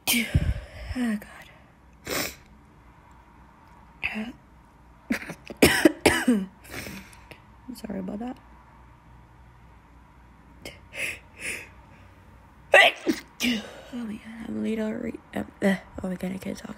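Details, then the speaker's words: Person allergic to dust, sneezing after cleaning: several sharp sneezes with short pauses, throat sounds and faint room noise; can't stop sneezing. "I just can't stop sneezing. I'm sorry, that was weird."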